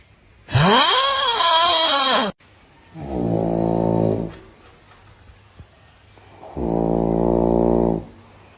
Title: Please don’t snore beside me 😭👋🏻